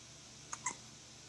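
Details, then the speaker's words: Single hiccup from a pet dog: a quick soft click followed by a sharper gulping squeak in a quiet room. "no sorry you got hiccups sounds so cute sorry hicups I feel bad but there's nothing you can do just got to R out"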